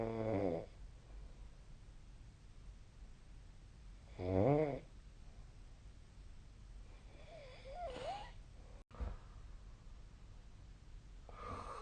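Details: Adult snoring in sleep, recorded with the SnoreLab app: loud, rattling snores on inhaled breaths about every four seconds, with quiet pauses between.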